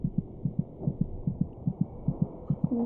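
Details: Fetal heartbeat: fast, regular paired thumps at about 145 per minute, about twice the mother's rate; normal fetal heartbeat.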